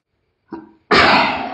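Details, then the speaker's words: Sneezing: a brief indrawn breath, then a single loud, explosive burst of air; the sneezer says their sneezes sound like cops. "yes I got a sneeze on film my sneezes sound like cops I've never heard one of my sneez before"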